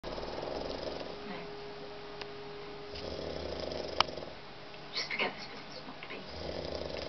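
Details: Adult man snoring while asleep after seven hours at the pub: repeated rough, rattling snores with quieter pauses between them and a few faint clicks in the room.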